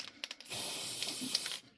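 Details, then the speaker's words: Steady hiss of aerosol "silver spray" lasting about a second, applied to a cat's freshly closed spay incision to form a protective coating against infection. "Now I'm going to apply this this thing called silver spray."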